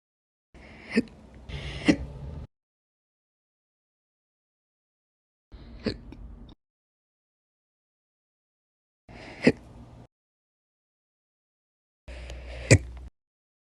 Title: 7/4/23 and 7/7/23, Slow Hiccups (Last Slow Hiccups Video on this channel)